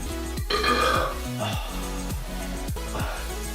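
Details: A long, loud, drawn-out burp over background music: burping.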